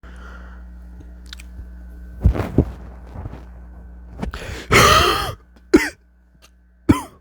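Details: Adult smoker eating chips has a coughing fit: about six harsh bursts, one long and rattly, over a steady low room hum.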